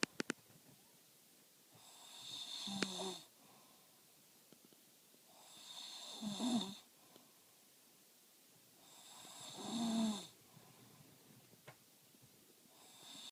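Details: Snoring during sleep: slow, rumbling snores on each breath, about 17 a minute, with quiet pauses between them.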